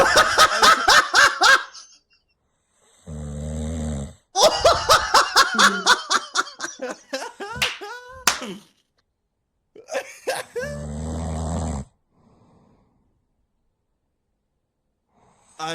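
Two low, rumbling snoring breaths between bursts of loud laughter; snoring.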